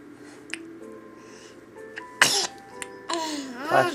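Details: A yawn followed by a sudden loud sneeze, with music playing in the background.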